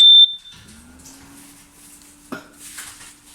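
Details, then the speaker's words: Dräger Evita 2 Dura ventilator switched on from the rear button, with breathing circuit, air and oxygen connected: a short, shrill beep, then a quiet, steady machine tone with a faint click as it runs its start-up self-test. "Cihazımız açılışta kendini self testten geçirir."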